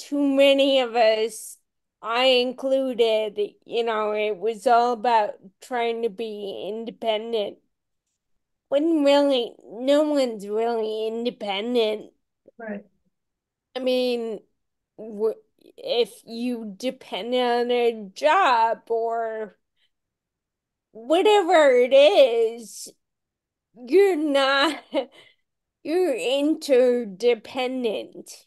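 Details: Dysarthria in a woman with Friedreich's ataxia, a rare, genetic, progressive disease, diagnosed at age 16; real speech, and she reports voice issues.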